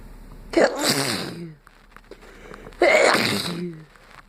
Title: Sneezing because I caught a friends cold